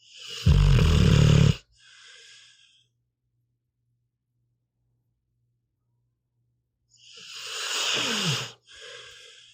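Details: Pitbull asleep, snoring: two loud, low rattling snores on the in-breath, each followed by a soft puff out, with a long quiet pause between them; ordinary dog snoring.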